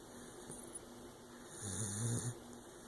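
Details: Bulldog puppy snoring while asleep: one short, low, fluttering snore over steady background noise; snoring.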